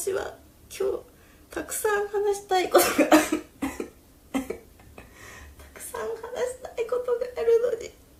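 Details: A girl's repeated short, throaty coughs in bursts, some voiced, with brief vocal sounds between, while she tries to talk and says she can barely speak; a plain cough.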